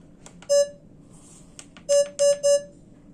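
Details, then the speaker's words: Soft button clicks and short, clear mid-pitched beeps as a child's fingertip pulse oximeter, taped to the thumb, is switched on and its heart-rate alarm limit adjusted (alarm normally above 145, usually during seizures); pulse oximeter beeps. "So it will alarm if she has a seizure usually because it goes over 145, but generally if she's just resting, her heart rate should not be that high."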